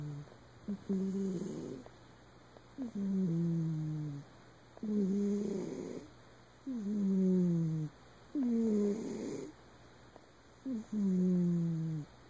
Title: Winkle the cat, snoring